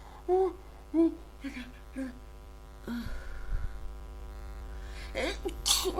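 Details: Person unsure whether cold or allergies, repeated gasping inhalations and sharp sneezes with groans between; sneezing fit.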